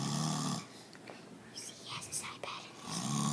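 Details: Loud, low, rumbling snores from a sleeping grandfather at the start and end, with quiet room sounds and faint whispering between them: ordinary heavy snoring.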